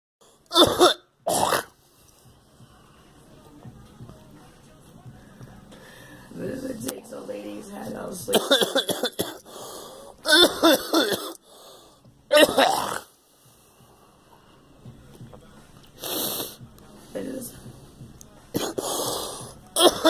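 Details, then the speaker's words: Adult with a persistent productive cough bringing up clear phlegm, going on since a flu shot, coughing to the point of vomiting: repeated harsh cough bursts with throat clearing and retching sounds between them. "It's part of all its phlegm. But damn it. Oh, man. It's part of all its phlegm. Damn it. This fucking cough will never go away."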